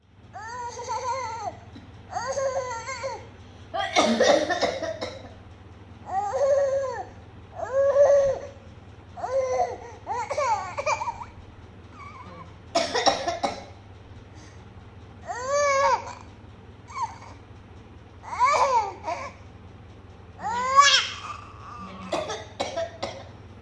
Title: coughing with her nani